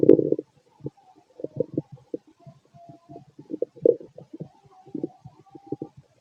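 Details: A male's stomach growls late at night after eating lots of food earlier. He feels gassy and bubbly, and low gurgling, bubbling rumbles come in irregular bursts: borborygmi.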